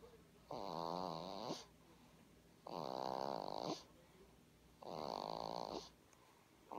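Three rhythmic, buzzing, tonal snores, one about every two seconds, roughly 28 breaths a minute, with quiet pauses between.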